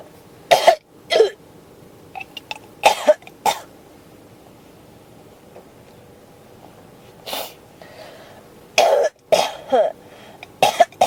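Repeated dry coughs and throat clearing in clusters, about nine bursts in eleven seconds: an ongoing cough.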